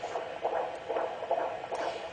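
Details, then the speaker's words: Fetal heart tones on Doppler during a pregnant abdominal assessment: fast, regular whooshing beats with the rate in the 140s, a normal rate, while the baby turns and moves. "this baby's heart rate is running in the 140s it's been between 140 and"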